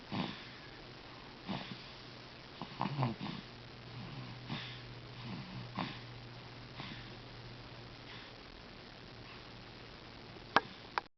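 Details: Sleeping subject recorded with the microphone not close: rhythmic, snuffling breaths with low rattling snores in a quiet room; ordinary sleep snoring.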